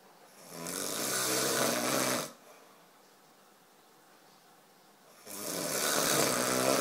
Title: SNORING - I think I'm going to leave him downstairs tonight